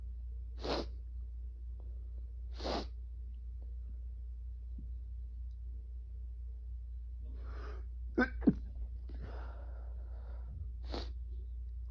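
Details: Male, sneezing induced by Chhinkni (second use), stifled: three short, muffled hissing bursts and a cluster of quieter held-back sneezes in a quiet room.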